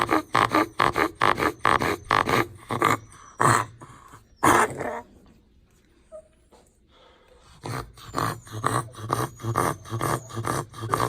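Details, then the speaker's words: Pet with breed-specific tracheal collapse from weak tracheal rings: rapid runs of harsh, goose-like honking coughs with a short pause between bouts; classic tracheal collapse honking cough. "that's very classic that kind of honking sound that you hear that's tracheo collapse this is a pet that is not going to be heat or humidity tolerant"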